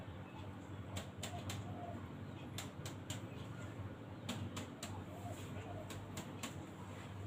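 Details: During a chest percussion exam of an adult man, sets of quick, light taps over the front of the chest give a resonant note, normal for air-filled lung with no solid tissue or fluid.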